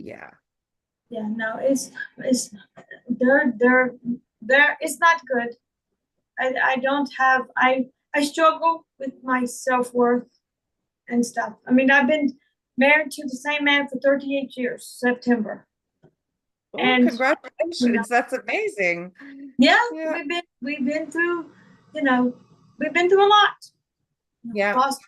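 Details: Woman with real foreign accent syndrome, speaking in her own voice; she also reports trouble remembering words, reading and saying big words.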